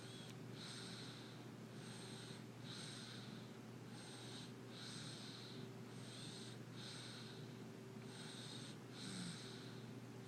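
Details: Person fast asleep ("out cold") lightly snoring: soft, quick, regular snuffling breaths, about nine in ten seconds, over a steady room hum.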